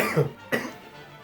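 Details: Acted comedic coughing fit by an adult: two short, harsh coughs in quick succession, simulated rather than real illness.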